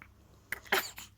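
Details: Baby boy's first sneeze at home: a quick in-breath, then one sharp, explosive sneeze, with faint room noise behind.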